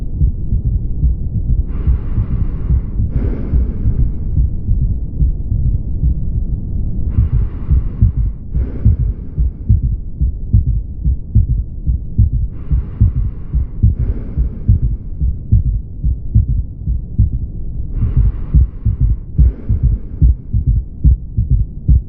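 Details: Steady low heartbeat near 71 a minute with a faint extra low sound, a third heart sound (S3).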